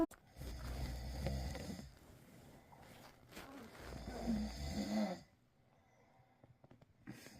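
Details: Father's heavy adult snoring that woke a baby: two loud, rattling snores, each over a second, then quiet room noise and faint sounds near the end.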